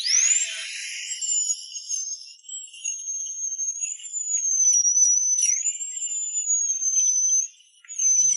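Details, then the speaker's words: High-speed dental drill used without anaesthetic to remove shallow decay from a cavity between the two front teeth: a steady high whine wavering under load, briefly stopping. "The doctor changed a tool Continue to grind the edges. so that the resin fillings fit the teeth perfectly"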